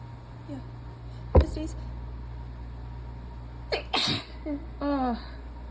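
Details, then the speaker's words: Two loud, partly stifled sneezes with a sharp burst and gasping intake over steady room hum, during a sneezing fit in someone who says they are sick, run down and congested; sneeze. "um yeah and and I'm gonna sneeze again soon"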